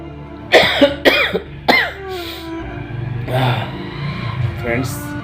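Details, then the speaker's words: An adult man with a cold, cough and fever, plus rib pain, after a night out in the cold at a wedding: three sharp coughs in quick succession, followed by background music. "ज्यादा मुझे सर्दी खांसी हो गया है इसलिए sorry friend मैं आप लोग के लिए इंटरटेनमेंट नहीं करा पा रहा हूं"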